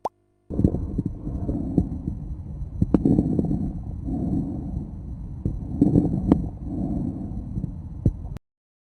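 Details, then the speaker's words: Loud, harsh, hollow tubular (bronchial) breathing, about two breath cycles, a sound transmitted through densely consolidated lung parenchyma, as in lobar pneumococcal pneumonia; teaching example of bronchial breath sound. "n bruit particulier c'est le souffle tuber donc c'est une transmission au sein d'un parenchyme très condensé comme on peut le voir dans certains pneumonie franchement bien régule notamment la pneumonie à pneumocoque"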